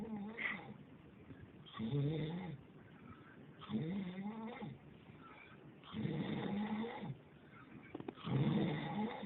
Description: my stepdad snoring